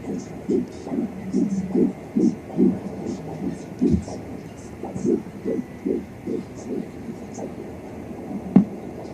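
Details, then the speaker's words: Fetal heartbeat at 13 weeks on a home fetal Doppler: rapid, rhythmic whooshing at about 147 a minute, with the mother's own heartbeat also heard. "Yay, I found the baby's heartbeat. There it is. Do you hear mine and the baby's heartbeat?"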